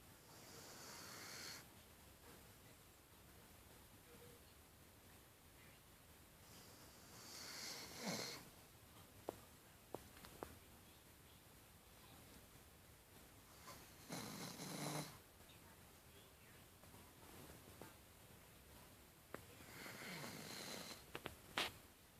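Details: Sleeping, dreaming dog snoring in slow, breathy, rattling bursts about every six to seven seconds.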